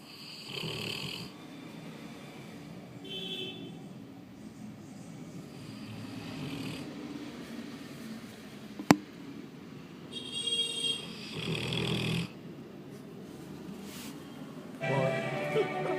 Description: Labrador Retriever found snoring under the table. That's just human!